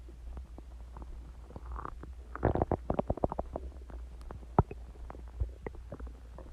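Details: Active bowel sounds (borborygmi) from the recorder's own stomach, growling audibly about an hour after eating eggs and ice cream and drinking Coke: frequent gurgling, clicking and bubbling over a low steady hum.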